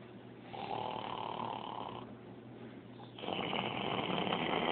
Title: Snoring.. harder than it looks